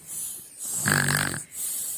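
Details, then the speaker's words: Sleeping young girl snoring heavily "like a lion": a single loud, growling snore on breathing in between softer breaths. "आज हम आपको मिलाएंगे से, जो कि सो रही हैं और इतने बड़े बड़े स्नोर कर रही हैं।"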